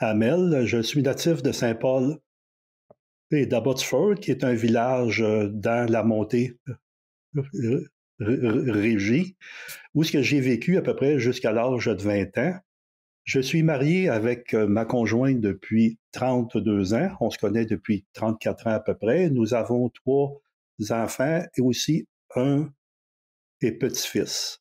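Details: 64-year-old recently retired man who stutters; changed his approach to stuttering after retirement over a year ago, with avoidance reduction therapy (TREB) and ACT discussed; stuttering.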